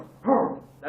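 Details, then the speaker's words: Adult imitation of the croup cough: a single harsh, honking, seal-like bark. "It's when the epiglottis gets so thick that it's covering the trachea virtually all the time. Not something you want to happen. And when they cough, it has like a seal barking cough."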